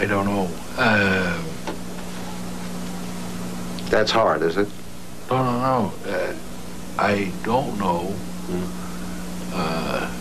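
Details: Former lawyer who had a stroke at age 45 from a blood clot, affecting comprehension and expression; slow, effortful word finding, comprehends only nouns and verbs, pattern typical of Broca's area damage; aphasia after stroke.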